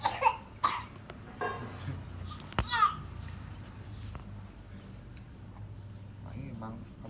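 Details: Six-month-old baby with a cough and cold, around first time taking medicine; several short, sharp coughs in a quick cluster, then quieter fussing: infant cough.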